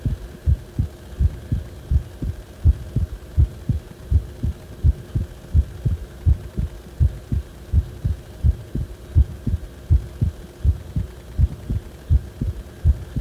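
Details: Heart sounds recorded when the heart felt like it was acting abnormally: regular low beats at about 82 a minute with a steady hum underneath; abnormal heart sounds, no specific type named.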